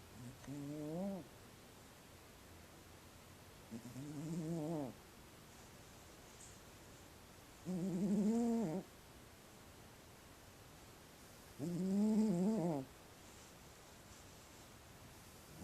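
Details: Sleeping cat snoring loudly enough to be heard from another room: four soft, rattling snores on breathing in, about 15 a minute, with quiet pauses between.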